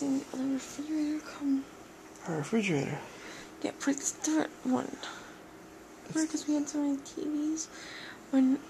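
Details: Adult woman, asleep; sleep talking (somniloquy).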